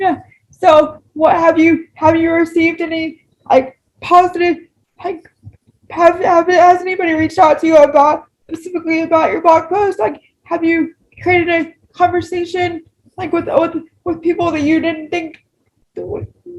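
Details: Woman with cerebral palsy whose spasticity affects her speech; she reports talking takes her longer: dysarthria (spastic) due to cerebral palsy.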